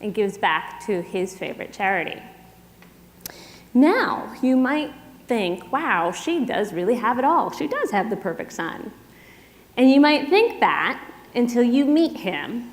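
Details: Adult woman speaking; typical speech.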